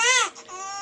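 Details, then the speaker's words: Baby crying after being startled by father's sneeze: high, tuneful infant wail that falls away, then a fainter cry resumes. "아이고. 엄청 놀랐나봐. 대성통곡을 하네."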